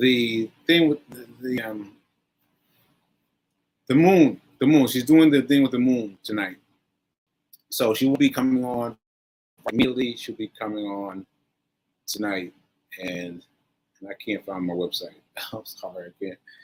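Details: Aphasia in a male stroke survivor, nearly a year after a stroke on 7/14/22 (recorded 7/4/23); he is still recovering and says his aphasia made adding up numbers difficult.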